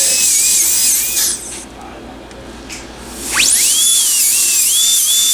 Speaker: all right so now we're just going to trim the temp right here we're going to make sure that all the edges are the same width same thickness make sure it's nice and clean